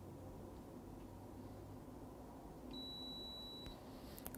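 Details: Automatic blood pressure cuff on an adult male's arm, after a reading of 128/75 and rechecked on the other arm (126/77): single steady electronic beep over quiet room noise during measurement.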